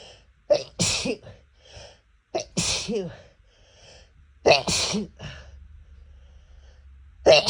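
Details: Adult with cat allergy: three forceful sneezes in quick succession with a fourth starting; allergic sneezing fit.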